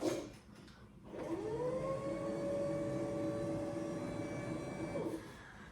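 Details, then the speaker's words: Steady rising motor whine for about four seconds, then stopping, as an electric ENT examination chair is raised with a model in place of a patient, before microscope-guided ear wax removal. "So, we're going to use this model cuz I couldn't get me a volunteer to go on to YouTube. So, we raise the chair up"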